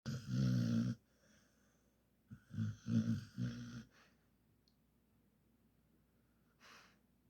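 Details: Sleeping, dreaming dog snoring: loud, rattling, fluttery snores in short bursts with quiet pauses between; snoring.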